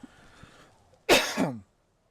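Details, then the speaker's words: Single harsh, forceful cough with a rough voiced tail after dust bits went down the throat, described as painful; cough from airway irritation. "Oh, something went down my throat again. Dust bits. We love to hear it."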